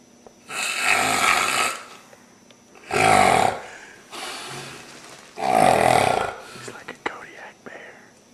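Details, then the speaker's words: Heavy snoring: three loud, harsh snores with quieter breaths between them, about 24 a minute, with small room noises at the end. "What are you doing? You're snoring like a banshee."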